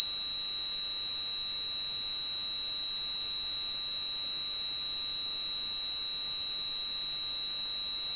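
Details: Tinnitus simulation.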